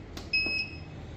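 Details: Button click then a single short electronic beep as the operating mode of a digital cervical and lumbar traction unit is switched (static, harmonic, intermittent) in a physiotherapy machine demo.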